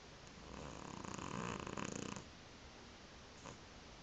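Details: Tifi, a sleeping cat, snoring: one long, fluttering, rapidly rattling snore on an in-breath over steady room hiss.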